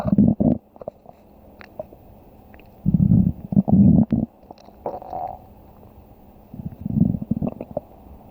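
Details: Low, bubbling gurgles in three short bursts: stomach growling (borborygmi) from gas and fluid moving through the gut.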